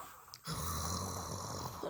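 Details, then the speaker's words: A young child pretends to snore when told to sleep: a steady, low rumbling imitation of snoring, not real sleep breathing. "Is that how you sleep? You snore? Do you snore when you sleep?"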